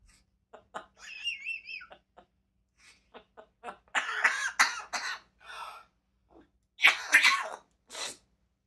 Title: Bird Laughs So Hard She Starts Coughing 🤣#animals #pets #birds #funny #cute #parrot #fun #amazing